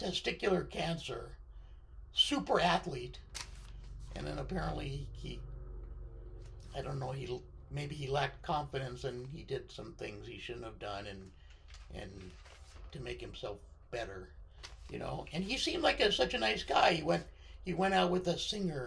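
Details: Adult man with left-sided vocal cord paralysis following surgery, which limits his voice control.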